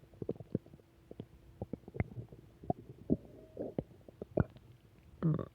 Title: Return of stomach growls